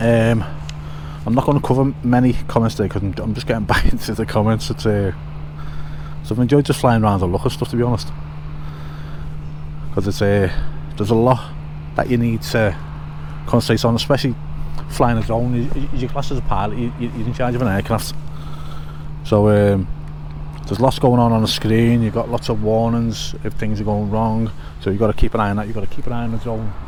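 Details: Adult male with a self-reported stutter since childhood, quite bad at school, which he believes is confidence-related; genuine stuttering.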